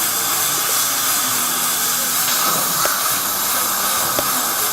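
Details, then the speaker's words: Dental assistant suctioning and rinsing during disc polishing, aiming at the tube rather than the spinning disc: steady loud hiss of dental suction with water spray and a few brief clicks. "how the assistant is aiming for the tube not the spinning wheel if you aim for the spinning wheel you're going to throw water all over everybody"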